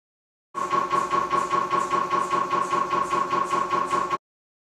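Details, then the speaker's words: Loud, steady, rapid mechanical knocking with a droning tone, about two to three pulses a second, from a wide bore MRI scanner during a lower extremity scan; MRI scanner running a sequence. "all MRI scanners are noisy at this facility you will be given the option of wearing earplugs or headphones for music"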